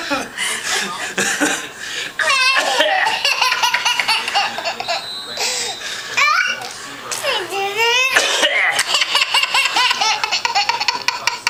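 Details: A child gives short repeated coughing bursts, mixed with high-pitched laughter and squealing voices; a plain cough amid play.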